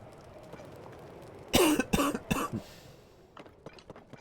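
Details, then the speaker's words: An adult livestreamer who describes being perpetually unhealthy and coughing often gives a cough during gameplay commentary. "I am perpetually unhealthy. So, you'll hear me coughing a lot. I'm sorry about that."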